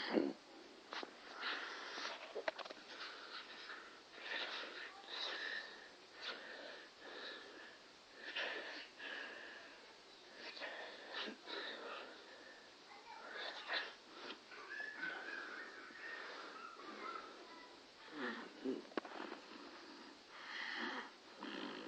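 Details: Infant with stridor: noisy, high-pitched, whistling breaths recur throughout, consistent with a narrowed upper airway.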